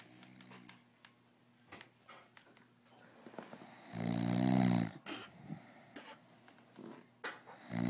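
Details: Loud rattling snore at about four seconds, with softer breathing noises and small sounds in a quiet room; snoring jokingly blamed on alcohol.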